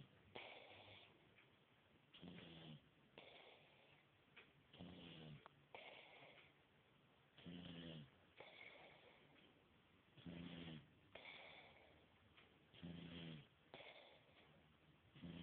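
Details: Snoring: low, rough, rattling sounds with each breath, about 23 a minute, over faint room noise.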